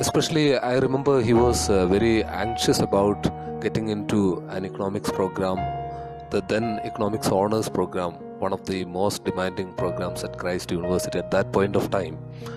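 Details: Adult man speaking; typical speech.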